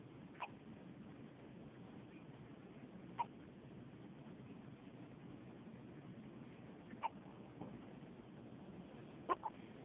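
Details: Brief, sharp click-like gulps every two to four seconds, about five in ten seconds, over quiet room hiss; hiccups in a cat.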